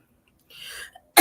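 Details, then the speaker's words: Adult recently in hospital who reports being unable to keep fluid off the heart: a soft, breathy rush of air, then a sudden loud explosive burst cut off at the end, a single cough. "i can't keep fluid off my heart and so now it's coughing and sneezing you hear it it's really bad"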